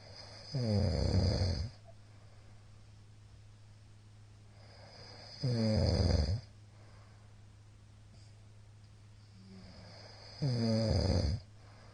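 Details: Middle-aged man snoring while asleep, recorded 22 February 2022 on an especially loud night: loud rattling snores on each in-breath, about 12 a minute, with quiet breathing between.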